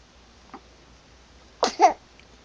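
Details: A faint breath, then a sharp two-part sneeze burst while on the bed in a quiet room; an ordinary single sneeze, recorded Dec 3, 2012 at 10pm.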